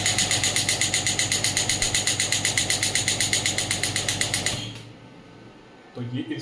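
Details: Biotronix pneumatic radial extracorporeal shockwave therapy (ESWT) device demo, firing rapid even mechanical taps at about 4 pulses a second, then stopping.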